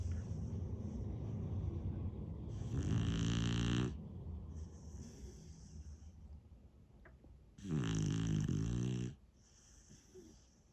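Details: A beagle snoring: two loud, rattling snores on the in-breath with quieter breathing between.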